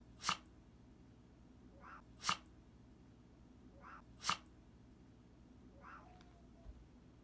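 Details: Domestic dog's quick snort-like sneeze, possibly 'sneeze voting' for food or activity; a single sneeze shown repeatedly: short, sharp sneezes about two seconds apart, each with a soft snort, in a quiet room.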